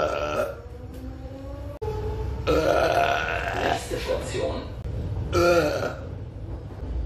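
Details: An adult belching repeatedly on a German S-Bahn commuter train while wearing a mask: several long, voiced, croaking belches over steady train rumble. Eructation.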